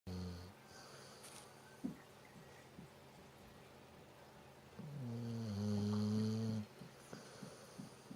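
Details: A dog snoring: a long, rumbling snore with a wheezy whistling edge, then quiet breathing in a small room; snoring.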